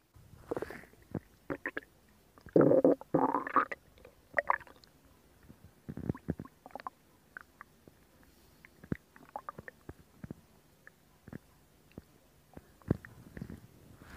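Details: Stomach sounds recorded for ASMR: irregular gurgles, squelches and brief rumbles from the belly; borborygmi.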